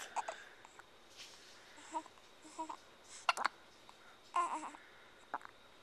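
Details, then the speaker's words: Three-week-old baby boy with hiccups shortly after feeding: small catchy hiccup sounds and faint baby noises scattered through a soft, quiet room. "just ate yeah you got the hiccups"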